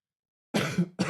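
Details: Adult gives a single short, rough cough or throat clear after silence.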